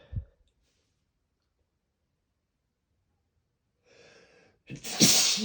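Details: A brief breath, then a soft intake and one loud, explosive, unstifled sneeze with a hissing spray, showing the consequences of not stifling; sneeze.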